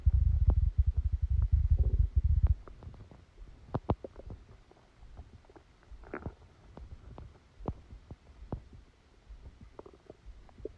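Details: Stomachache after Christmas dinner, recorded while the person slept: low gurgling rumbles, then many scattered soft pops and clicks from the abdomen; active bowel sounds.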